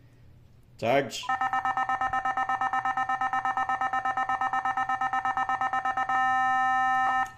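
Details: Nihon Kohden TEC-5631 defibrillator tested on an analyzer: rapid pulsing charging tone gives way to a steady ready tone, then paddle discharge at maximum 270 J.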